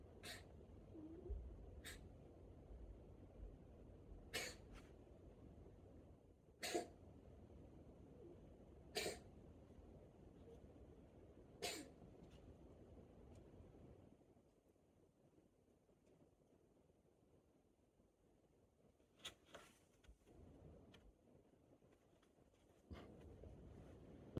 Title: Murloc's Cough